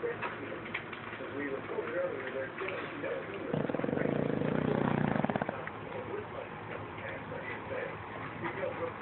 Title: Boston terrier snoring with eyes open